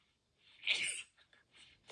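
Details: Single sneeze: a brief, rising intake of breath builds into one sharp, hissing burst of air, followed by a few faint breathy sounds.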